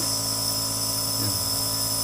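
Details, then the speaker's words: Nebulizer running for a young child with cough and colds who enjoys nebulization: steady mechanical hum and hiss of the compressor, no other clear sounds. "Nagne-nebule na naman. Nakakalaki. Gustong gusto niya yung pag nebulizer."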